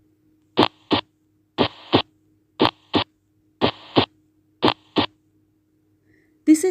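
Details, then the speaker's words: Steady paired lub-dub beats at about 60 a minute: normal first and second heart sounds (S1, S2), from a teaching recording. "the normal heart sound that you just heard. S1 and S2. First heart sound, second heart sound. that is love dub."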